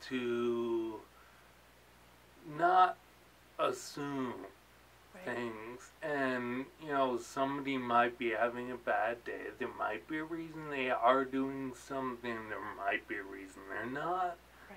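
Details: Adult man with ataxia; articulating takes him energy, worse toward evening, and he slurs when excited; ataxic dysarthria.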